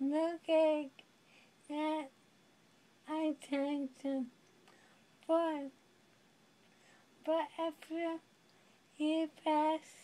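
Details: Dysarthria in a young woman living with amyotrophic lateral sclerosis (ALS, Lou Gehrig's disease).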